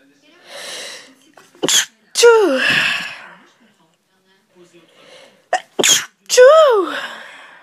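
Two sneezes, each with a drawn-in breath before a loud burst and a falling voiced trail; ordinary sneezing.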